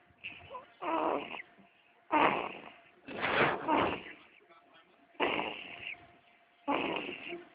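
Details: Baby snoring: repeated rough, fluttering breath noises in irregular bursts, some on inhalation and some on exhalation, with a faint steady tone behind; snoring.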